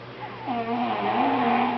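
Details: Exhausted nephew napping after a long day at the beach on vacation: drawn-out, rising nasal rumbling noise during breathing, a loud snore over faint room noise; snoring.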